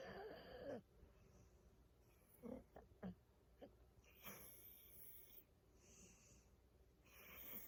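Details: Pit bull napping on a sofa: irregular snorting snores and short nasal whistles, with quiet background sounds.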